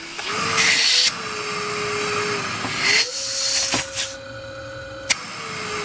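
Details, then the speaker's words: ResMed CPAP machine, about 4–5 years old, running a mask fit after reassembly: steady airflow hiss with a sustained high-pitched whine shifting with blower speed; motor possibly failing. "let's run a mask fit yeah it's blowing a little bit of a wine sad face"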